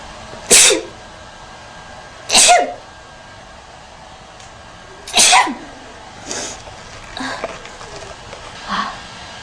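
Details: Young blonde woman acting sneezes for an allergy commercial audition: three loud, sharp sneezes, then three softer ones, in about nine seconds.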